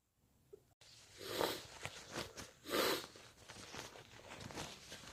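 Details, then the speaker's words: Sneezes during a cold: two sneeze bursts with nasal sniffing over room noise. "And I need to sneeze. Oh, bless me. I need to sneeze."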